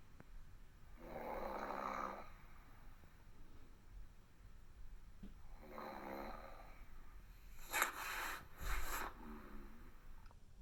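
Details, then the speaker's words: Adult woman recorded snoring in her sleep in the morning: two long, rough, vibrating snores about four seconds apart, with a brief snort and rustling in a quiet room; ordinary snoring. "the hell is that that's you snoring sweetheart that is no it's not that's your little princess no it's gotcha caught it this morning"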